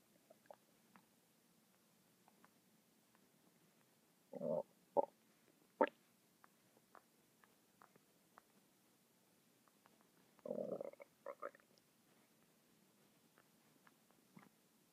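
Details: A person's stomach making noises non-stop for 10 minutes: intermittent low gurgling and rumbling bursts with quiet gaps; ordinary bowel sounds (borborygmi) from gas and fluid moving through the gut.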